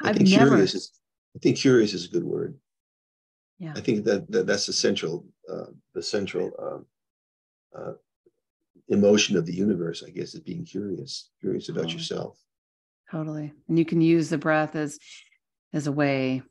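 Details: Adult man with progressing Parkinson's disease who reports mild stuttering, losing his words and impaired balance; speech disfluency in Parkinson's disease.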